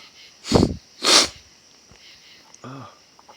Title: Little spray for you...open sneeze